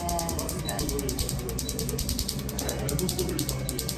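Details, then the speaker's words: Tattoo removal laser firing fast, regular snapping clicks over low room rumble during a second removal session on an old tribal wolf tattoo, with numbing cream applied; patient says it still hurts. "how is that that hurts it's not the worst pain I've felt than doing this but it hurts"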